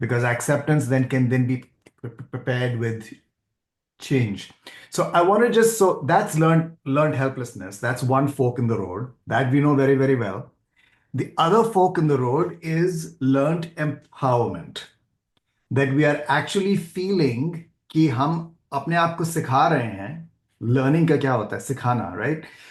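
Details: Adult male speaker; fluent speech.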